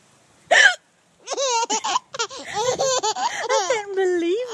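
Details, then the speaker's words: A mother's single short, sharp hiccup followed by her baby daughter's bright, bubbling laughter; an ordinary hiccup. "Mommy's going to have a hiccup is it really that funny it's a hicup I can't believe you laugh at it"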